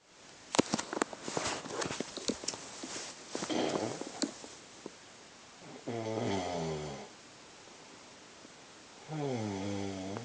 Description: My bf snoring for days